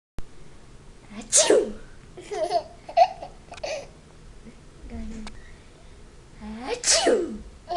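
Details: Adult's two sharp, explosive sneezes about five seconds apart, each followed by an infant's giggles; sneezing.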